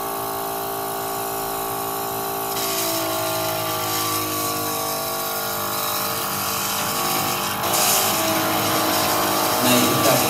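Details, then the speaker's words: Demonstration of a portable airway suction unit set to about 350, suctioning water. Steady motor whine with gurgling and slurping as water is drawn through the tubing into the collection canister. "what we're going to see is when we apply our suction it's going to go through the tube and will get collected into this canister"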